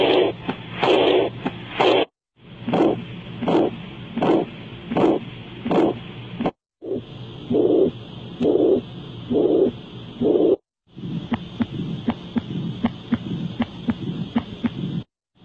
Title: Normal heart sounds